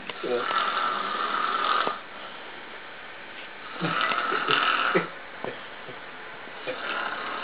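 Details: Male friend snoring extremely loudly during sleep: loud, rough snoring on the in-breaths, two long snores with quieter breathing between, in a small room.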